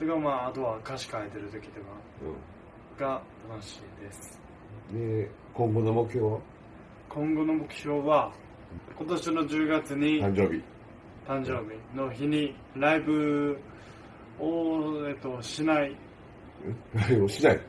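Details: Dysarthria after diffuse axonal injury from a traffic accident, with higher brain dysfunction and left hemiparesis; self-introduction recorded about a year earlier.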